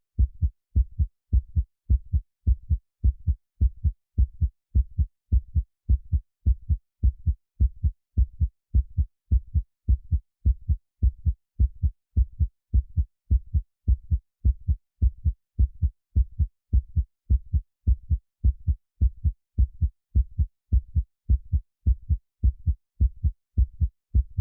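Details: Steady, regular low heart thumps at about 105 beats a minute, repeating evenly, a heartbeat sound used to relax infants.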